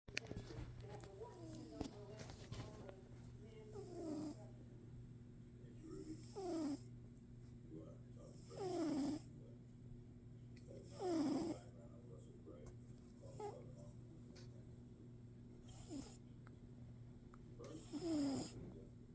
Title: Cat Snoring sound effects